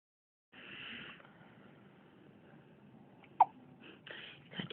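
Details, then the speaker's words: A baby boy, ready to feed again, gives a single sharp, brief hiccup amid soft background noise, then faint fussing; hiccups. "Want to give you hiccups? Hmm? Means I'm growing, Dad."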